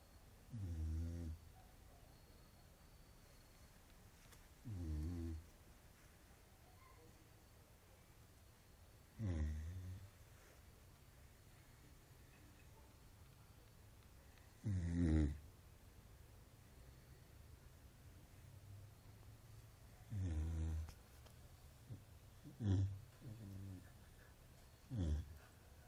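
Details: Sleeping dog snoring in low, rumbling bursts, about seven in 26 seconds, against quiet room noise.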